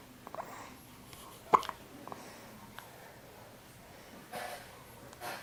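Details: Baby girl with hiccups, around a diaper change: a single sharp, abrupt hiccup with a few faint catches of breath around it in a quiet room.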